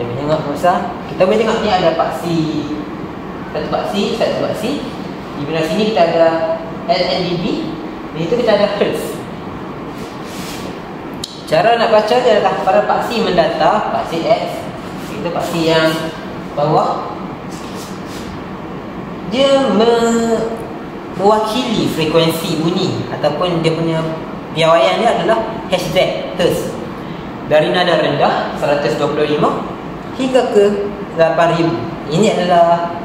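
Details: Adult speaker; normal speech.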